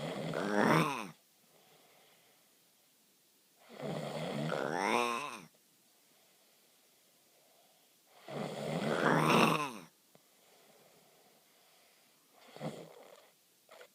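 Loud, rough snores on each in-breath, about 14 a minute, with quiet out-breaths; snoring.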